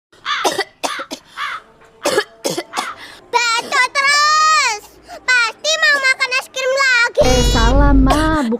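A child gives a run of short, dry coughs, then long, drawn-out whining vocal sounds; an acted cough.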